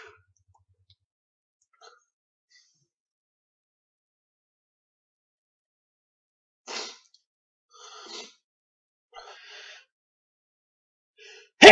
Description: Some loud, uncovered sneezes. All real, but induced and edited slightly.